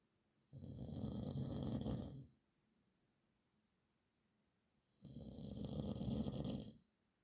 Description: horlama sesi gecelerimin kabusu horultu sesi